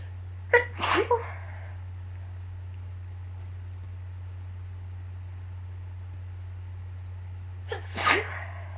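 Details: Two sneezes several seconds apart, each with a quick inhaled catch before the burst, over a steady low hum; a person who is sick sneezing.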